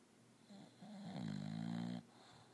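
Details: Sleeper called 'w' making a variety of snore noises: a single low, fluttering snore building over about a second, then quiet; snoring.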